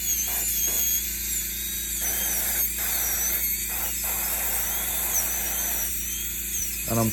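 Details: Live patient, root canal therapy of tooth #19 through a PFM crown: high-pitched whine of a dental drill in short bursts with water spray hiss, drilling endodontic access toward the pulp chamber before switching to microscope and ultrasonics.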